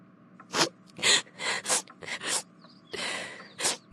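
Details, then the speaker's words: After the nose keeps tickling and the eyes tear up, a quick run of seven or eight short, sharp, hissing bursts: a rapid series of small sneezes. "Are you okay? Yes. Just sneezing."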